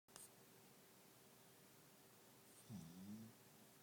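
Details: Little dog trying to sleep, giving a single short, low, buzzing snore at the end of a quiet stretch: snoring.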